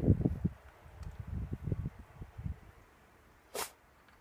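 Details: Irish Setter dog sneezing: rapid snuffling nasal bursts followed by a short sharp sneeze.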